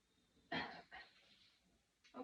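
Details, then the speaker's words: Post-surgical patient holding a pillow against the incision while breathing in through the nose and coughing, during taught deep breathing and coughing exercises; splinted cough. "Can you go ahead and grab your pillow and put it against your incision where you had, I know you had a surgery, and go ahead and breathe through your nose and then hold your pillow wherever you had the incision."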